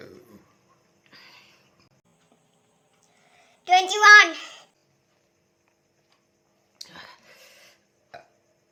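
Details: A single drawn-out, voiced belch lasting about a second during a burping challenge after drinking Coca-Cola, with faint room sounds before and after; real burping.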